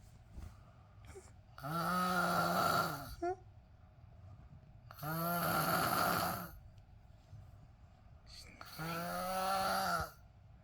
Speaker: boss snoring. I can't sleep. What can I do now? It's too loud.